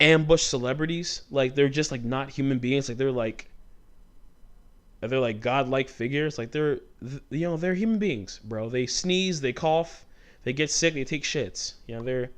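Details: Male host with stuttering since childhood; it comes out when he talks fast or gets passionate and fired up, and he points out a stutter right after this stretch.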